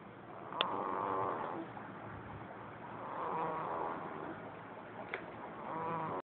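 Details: Rhythmic buzzing, rattly snores on the in-breath, about 23 per minute, with quieter breathing between; snoring.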